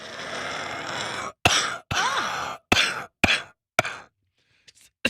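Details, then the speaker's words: Adult man with a cough who must breathe in very deep to produce it: a long deep inhalation, then several sharp, harsh cough bursts in quick succession. "I can breathe in and out fine, but I have to go really deep to get that sound."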